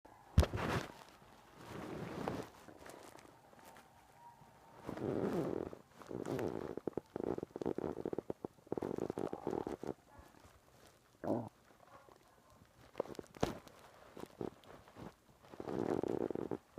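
Several soft, low, gurgling rumbles come and go in a quiet room: ordinary stomach growling from gas and fluid moving through the gut.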